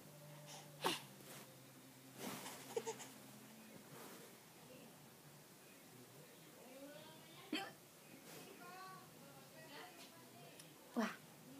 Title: Francs playing with hiccup mommy